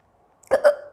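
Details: Indian girl who has had hiccups for a long time, with black pepper powder mentioned as a remedy: a single abrupt, voiced hiccup in a quiet room; persistent hiccups.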